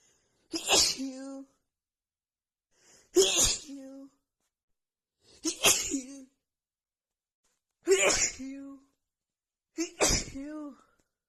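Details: Female who held back and stifled sneezes until she could not anymore, then let them out: five forceful voiced sneezes about every two seconds, each a sharp burst with a trailing vocal tail, a rapid nonstop sneezing fit.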